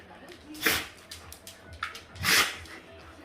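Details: 5-year-old Chow Chow dog: several sharp, snorting sneezes in quick succession, a burst of repeated sneezing.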